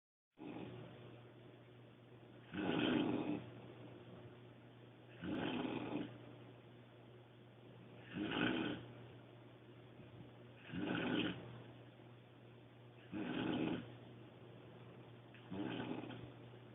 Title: Sister-in-law snoring like a Grizzly Bear Part 2